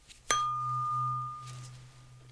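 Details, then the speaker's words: Tuning fork struck during a simulated (ASMR role-play) cranial nerve exam for right-sided throat pain: clear, steady pure tone slowly fading, a different frequency used for a hearing test comparing loudness at positions one and two. "let's go ahead and switch to any fork so i'm going to use a different sound now with different frequency"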